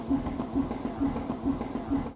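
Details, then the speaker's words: Adult man living with a total artificial heart while awaiting heart transplant, powered by a backpack air driver through tubes: steady mechanical pulsing about 130 per minute, the sound of his heart beating. "It's the sound of his heart beating."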